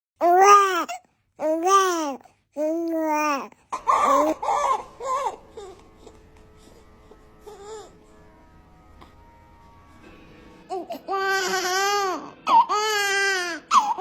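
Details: Newborn baby boy just after birth, described as strong and already trying to move his head: short, strong bursts of crying, a quieter stretch, then renewed vigorous cries; newborn cry.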